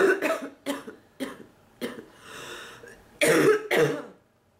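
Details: About seven harsh, barking cough bursts in quick succession with a brief strained breath between, in a sick woman with non-stop cough and bark whose back hurts; persistent coughing fit.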